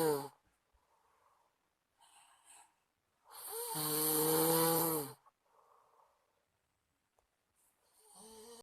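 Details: A friend's heavy snoring during sleep: a loud, long, buzzing snore on the in-breath between quiet breaths, with a rough vibrating tone.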